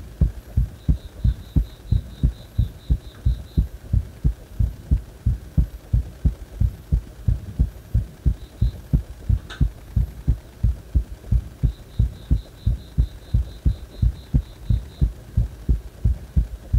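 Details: A heart that stays fast even after release from compression: strong, regular heartbeats at about 90 a minute, steady throughout; rapid heartbeat.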